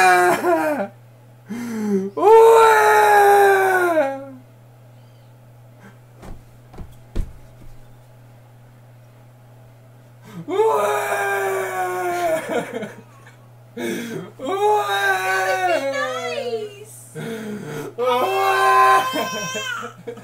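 An infant gives several bursts of loud, wailing cries separated by quiet pauses; ordinary crying.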